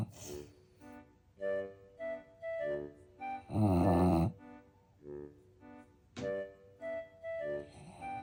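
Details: French Bulldog snoring while asleep, with background music.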